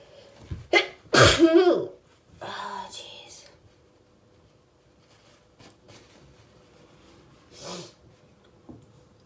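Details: Two or three forceful sneezes in quick succession with a few breathy sounds after; repeated hay fever sneezing.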